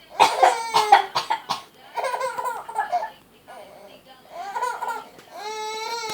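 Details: A few short coughing bursts from a mother, followed by her baby's bright laughing squeals.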